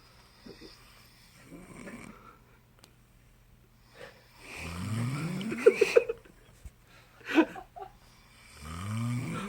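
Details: Two sleepers snoring one after the other, filmed in 2017: rough, rattling snores rising through each breath, with whistling, snorting bursts and a low steady background hum.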